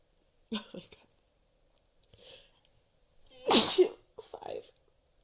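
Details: Fifth in a long counted run of repeated sneezes: short breathy intakes, then one loud explosive sneeze and a smaller follow-up burst, in a quiet room.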